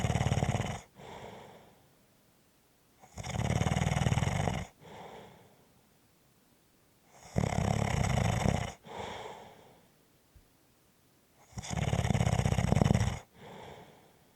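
Loud, rattling snores on each breath in, softer breaths out, about 14 breaths a minute; snoring.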